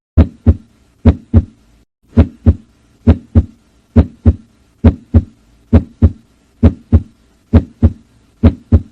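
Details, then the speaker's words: Normal heart sounds in a cow (bovine), auscultated on the left side beside the olecranon at the 3rd–5th intercostal spaces (mitral, aortic, pulmonary foci): regular lub-dub, about 67 beats a minute, no added sounds. "Para poderla auscultar el corazón, nos ubicamos al lado del olecrano y ubicamos nuestra mano y nos ubicamos en el tercero, cuarto y quinto espacio intercostal para poder escuchar la válvula tanto mitral, aórtica y pulmonar en el lado izquierdo."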